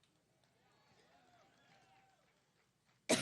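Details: At a campaign event in Cleveland, a woman has a coughing fit and jokes that she is allergic to Donald Trump.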